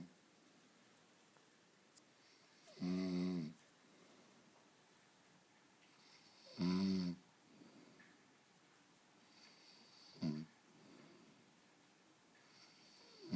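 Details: Husband beginning to snore lightly: three loud, rough, rattling snores several seconds apart, roughly 17 a minute, with quiet breathing between; snoring.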